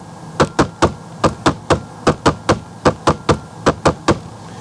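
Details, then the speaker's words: Simulated S3 gallop, a three-beat rhythm at about 75 a minute played slightly faster than the normal sounds, the third heart sound linked to heart failure, diastolic dysfunction or myocarditis. "Now, if we want to if we're going to hear the S3 sound, it's like this. A little more faster."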